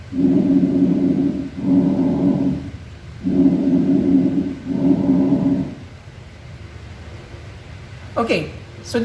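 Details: Bronchial breath sounds, demonstrated during a teaching session on chest and thorax assessment.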